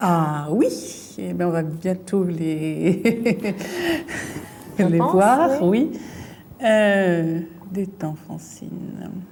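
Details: Woman with aphasia from a brain lesion, fluent speech with word substitutions and distorted words while searching for a word in picture description; fluent aphasia with word-finding difficulty.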